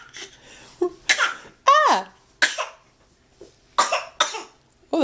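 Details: Young child giving several short, deliberate play coughs mixed with voiced sounds and a brief squeal, not a real cough; voluntary fake cough.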